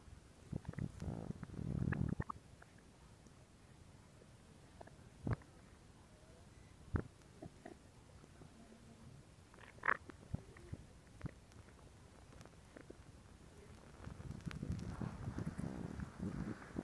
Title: Stomach Sound [Stomach Growling][ASMR] [2022-07-14]